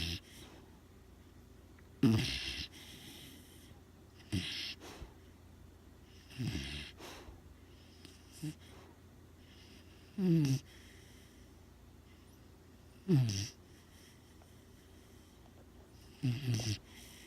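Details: Snoring: loud rattling snores recurring about every three seconds, each a harsh low vibration on the breath, over quiet room hum.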